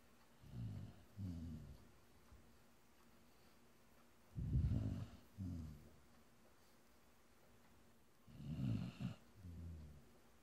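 Low, rough, rattling snores in irregular bursts, roughly 15 a minute, some paired with a softer second sound; animal snoring in sleep.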